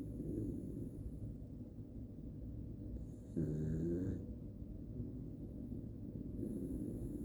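Low rumbling breaths with a louder, buzzing snore in the middle; a small dog snoring in sleep.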